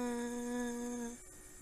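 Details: Patient with a vocal fold polyp producing a sustained high-pitched 'i' vowel during examination; sustained high-pitched vowel with vocal fold polyp.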